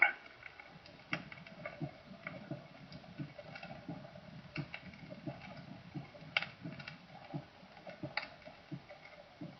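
Soft, rapid low heart thumps falling in groups of three per beat, with faint clicking background noise: a diastolic gallop, or triple rhythm.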